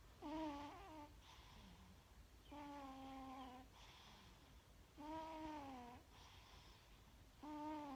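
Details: Sleeping cat snoring, at first mistaken for choking or suffocating: repeated soft, squeaky, whistling breaths about 25 a minute, a snore with a nasal whistle; snoring.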